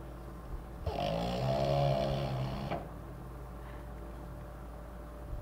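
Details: French Bulldog snoring during sleep: a single long, buzzing, fluttering snore on the in-breath lasting about two seconds, quiet room around it.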